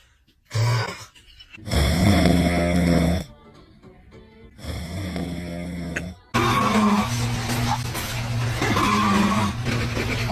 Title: when dad's snoring bothers baby🤣#baby #newborn #cute #snoring #funny #foryou #funnybaby #fyp